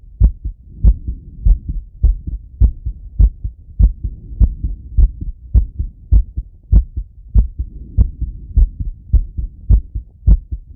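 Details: Male, own heart auscultated with a stethoscope after a workout set: strong, regular heartbeat at about 100 per minute, fast after exertion; normal heart sounds after exercise.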